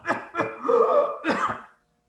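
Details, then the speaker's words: Child with paroxysmal cough: barking cough bursts around a sudden drawn-out, high-pitched whooping breath in a quiet room; whooping cough (pertussis). "did you hear that she was having a barking kind of core and then sudden noise which was called as whoop if you remember it is called as whooping cough"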